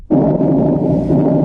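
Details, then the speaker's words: Normal person, stethoscope: a soft, steady, low rushing 'shh' of air; normal breath sounds. "இப்ப ஒரு normal பெர்சனுக்கு இந்த ஸ்டெத்த வச்சு கேட்கும்போது அது காத்து கஷ் ஆற மாதிரி இப்படிதான் கே்கம்."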